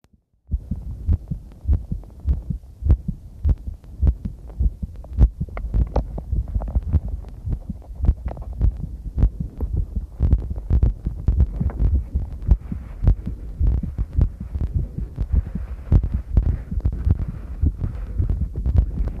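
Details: Own heartbeat recorded during a cycle ride: regular low thumping at about 105 beats a minute, with heavy noise and clipping.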